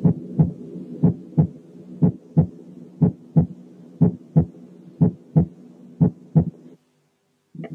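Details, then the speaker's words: Normal single, pure first heart sound with no extra sound; regular heart sounds at about 60 beats per minute. "ونسأل نفسنا هل يا ترى الفيرست ساوند ده واحد وبيور ولا في حاجة تانية معاه؟ نسمع الأول النورمال فيرست ساوند."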